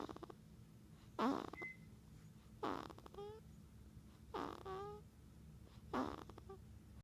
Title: Cute Snoring Baby